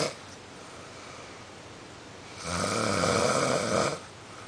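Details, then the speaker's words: Male friend who snores very loudly, recorded while sleeping after he reportedly drank only a little: one loud, rough, rattling snore on an indrawn breath, about one and a half seconds long, over quiet room noise; snoring. "This is what sounds like when he snores."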